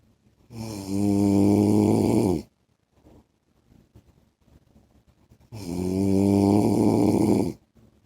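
Two long, loud, rumbling snores on the in-breath, about five seconds apart, with quiet breathing between: heavy habitual snoring.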